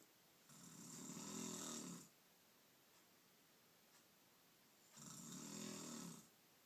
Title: Mother snoring